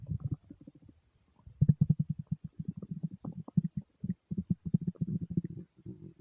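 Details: Nonstop stomach rumbling: rapid, nearly continuous low gurgling bursts with a brief pause, ordinary bowel sounds (borborygmi).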